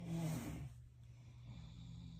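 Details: A person snoring while others in the room also snore: one loud, low, rattling snore on an inward breath, then quieter breathing.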